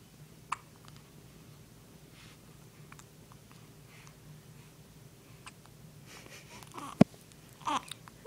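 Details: Nine-day-old baby with hiccups: about three sharp, brief, widely spaced hiccup sounds in a quiet room.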